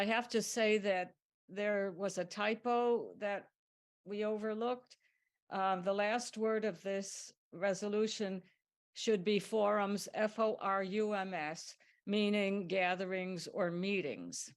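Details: Adult woman speaking; no voice disorder.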